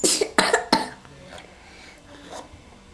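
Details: A young child at a doctor visit for cough and fever gives three quick, harsh coughs, then quiet room noise. The child is being prompted to act and start over, so the cough may be staged.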